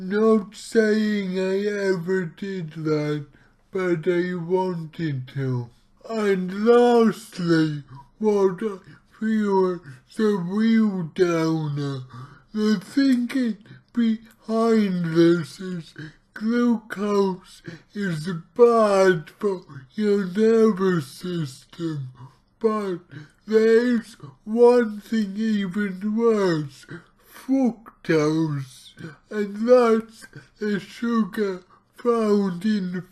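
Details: Male speaker with his own cerebral palsy, real not acted, about two weeks into trying a keto diet; dysarthric speech (cerebral palsy).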